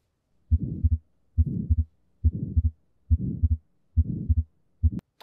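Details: Heartbeat sound played as one of four heart sounds; atrial septal defect.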